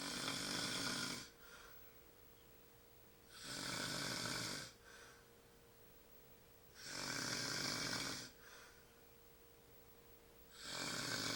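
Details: Sleeping shirtless man, sleep apnea tagged: loud, harsh snores with a slight rattle on each breath, about 17 a minute, regular, quiet breathing between; snoring.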